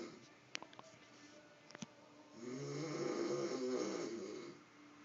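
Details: Man asleep with a cigarette in his mouth and his phone beside him, snoring: faint clicks, then one loud, rough, rattling inspiratory snore, then quiet breathing; described as his worst snoring yet.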